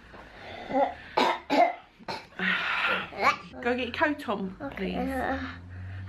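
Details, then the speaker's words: A child with a cold gives two harsh, abrupt barking coughs amid household talk. "baby is still in my belly so that's a good sign I don't see my waters breaking in the next four hours no I'm not he has a barking cough"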